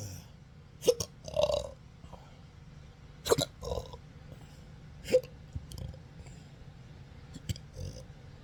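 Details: Persistent intractable hiccups with belching on 4 July 2025, attributed to nerve damage (pudendal, phrenic, vagus) after surgery in December 2015; sharp irregular hiccup clicks mixed with short throaty burps, about one every two seconds, over room hum.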